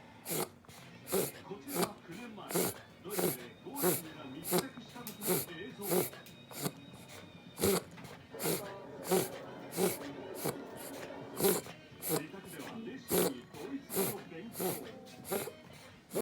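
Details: Miniature dachshund, owner's first dog, with frequent recent episodes of reverse sneezing: rapid, repeated snorting inhalations through the nose in runs, filmed to show the vet.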